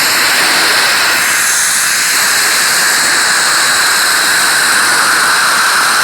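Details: Dental saliva ejector suction (sound effect): a steady, loud hissing, airy rush as the suction runs continuously.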